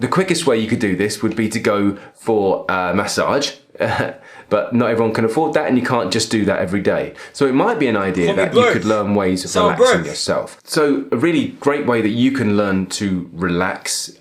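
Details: Adult man speaking; normal speech.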